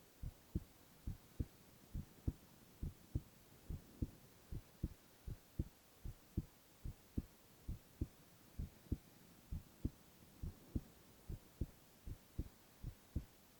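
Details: Male ASMR recording of heart sounds alone, without speech: steady regular soft double thumps at about 65 beats a minute over faint hiss; normal heart sounds.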